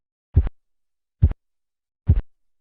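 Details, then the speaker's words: Manual blood pressure measurement over the brachial artery as cuff deflates: three soft, muffled low thumps about 70 a minute, phase 4 Korotkoff sounds, marking diastolic pressure in children and some pregnant women. "la fase 4 va acompañada de un claro ensordecimiento del"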